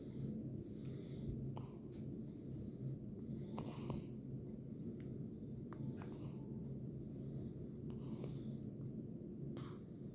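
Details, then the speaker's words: Run of hiccups: short noisy catches about every two seconds, roughly 25 a minute, over steady room hum. "someone's got the hiccups."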